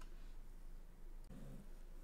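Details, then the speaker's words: Dog snoring in the background of a small quiet room: a low, rumbling rattle, strongest in the second half. "okay uh sorry if you can hear the snoring dog in the background but uh watching my brother's dog and he snores extremely loudly"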